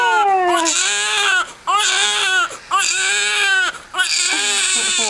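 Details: Newborn baby's first cry right after birth, following about 3 minutes of pushing: loud, strong, rhythmic cries in repeated bursts with short breaths between, a vigorous first cry.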